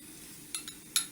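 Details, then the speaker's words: Atraumatic extraction of a type 1 socket tooth before implant placement: three sharp metallic taps over quiet room noise as a mallet drives a periotome to cut the periodontal ligament. "This is a periotom. Insert periotom and mallet, tap tap tap, to cut the only periodontal ligament."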